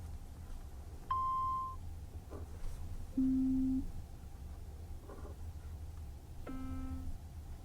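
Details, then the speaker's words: Three separate pure-tone beeps at differing pitches over a quiet hum during a hearing test in a simulated, role-play medical exam; the listener indicates when the tones are heard. "Again, all you have to do is indicate in some way if you hear the tones. All right. So it should be starting right about now."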